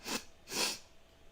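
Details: Sneeze.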